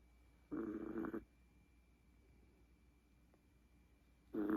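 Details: Sleeping Chihuahua puppy snoring: two rough, rattling breaths about four seconds apart, separated by quiet room hum.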